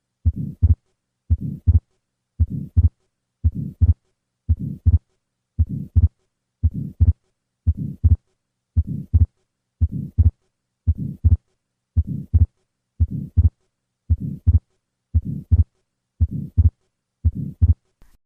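Regular heartbeat about 58 a minute, with a soft murmur between the sounds and a doubled second sound: systolic flow murmur with fixed splitting of atrial septal defect.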